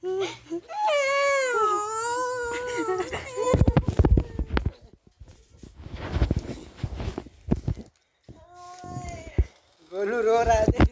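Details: Loud, wailing cries of a young girl crying to be taken to her mother, with rising and falling pitch, broken by sobbing gasps and brief pauses, in a small room.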